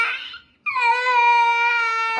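A short wail, then a sustained clear, high-pitched cry from an infant; ordinary crying.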